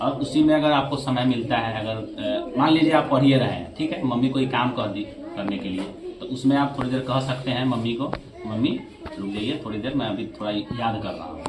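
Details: Adult man speaking Hindi; normal speech.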